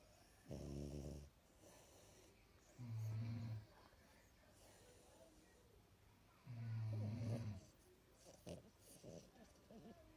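Three low buzzing snores at irregular intervals, with faint room noise and sounds between them; snoring.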